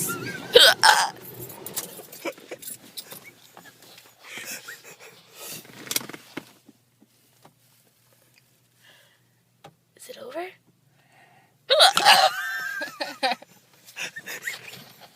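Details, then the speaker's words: Someone's hiccups: sharp, sudden catching sounds with a quick gasp come at irregular intervals between quieter stretches; the person says they can't control them. "Yeah. Hiccups. Wasn't me."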